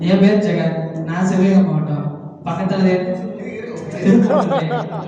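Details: Tamil-speaking man at a stammering workshop in Madurai in April 2025, introducing himself during a stage-fear practice exercise. Stuttering.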